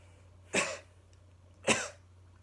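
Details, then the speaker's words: Adult demonstrates a pneumonia-prevention breathing and coughing exercise for a patient with an abdominal incision: deep breath in, then two sharp, deliberate coughs about a second apart; voluntary cough. "we're going to take a deep breath in, and after the deep breath, we're going to cough after."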